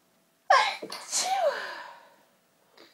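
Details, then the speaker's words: Single violent, forceful human sneeze after a long build-up: loud explosive burst with a quick inward catch, trailing voiced release and soft breath. "My sneezes are really violent. I think because the tease for so long, I'd eventually come out and it's such a relief to sneeze."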